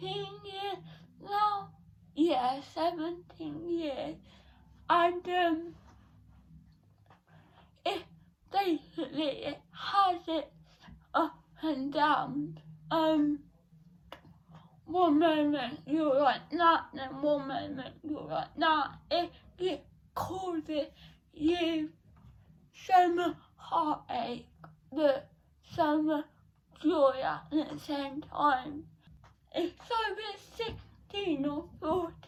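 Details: Dysarthria in a 17-year-old female with cerebral palsy present since birth, diagnosed at 14 months, affecting her speech; speech therapy from an early age.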